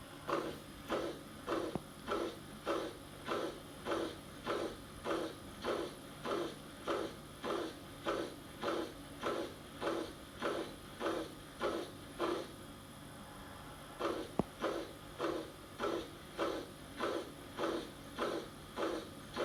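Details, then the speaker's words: Tricuspid regurgitation holosystolic murmur, loudest at the tricuspid area: regular high-pitched blowing murmurs at about 100 a minute. Causes named are right ventricular dilatation, rheumatic fever and endocarditis. "tricuspid regurgitation commonly caused by right ventricle the dilatation rheumatic fever and in figure in the colitis can cause either meter to choose rotational or tricuspid regurgitation the sound is like this"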